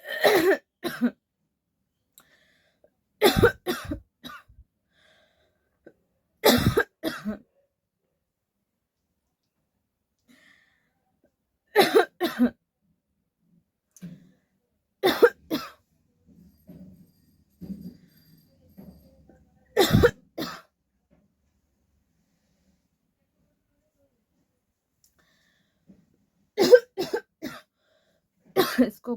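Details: Adult's deliberate, forced coughs in a coughing challenge, repeated short bouts with quiet pauses between them.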